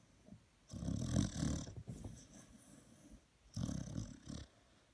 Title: Snoring Dog